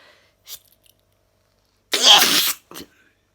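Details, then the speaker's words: Adult sneezing, recorded on a phone; a sharp inhaled catch, then one forceful, explosive sneeze and a short breathy sniff. "let's try sneezing again this is a problem with my sneezing"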